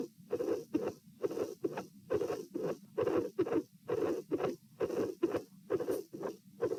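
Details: Midsystolic murmur at the pulmonary area with dilated aortic root, recorded at pulmonary position sitting, irregular beats edited out: regular rate about 66/min, rough murmur filling the gap between first and second sounds.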